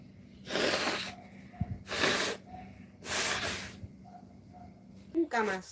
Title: Spanish speaking women sneeze and blow their noses